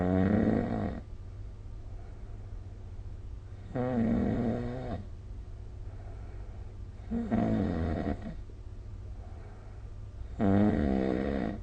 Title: 🐽 Snoring Sleep Sound / いびきの音